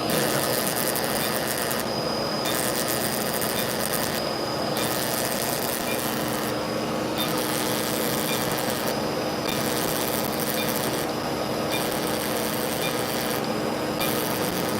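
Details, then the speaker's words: Plasma pen used as the final step after laser resurfacing, on a young man's facial acne scars: a steady buzzing electrical whine with regular brief pauses. "now the last part is going to be the cherry on top which is the plasma pen"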